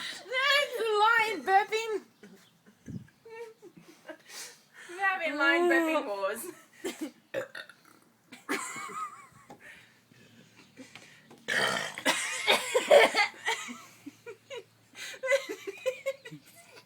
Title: Burping Lions